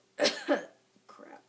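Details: Two quick harsh coughs or throat clears, then a short voiced breath, from a woman 15–16 weeks pregnant who is sick with a sore throat and losing her voice.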